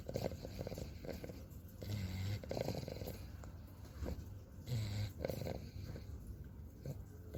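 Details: An English bulldog snoring, making funny noises while asleep: snoring.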